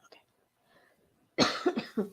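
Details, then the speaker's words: Adult who is still sick, recording a live stream at a laptop microphone: one cough followed by a quick, short second cough in a quiet room. "I took a couple days off I'm trying not to cough right into the microphone"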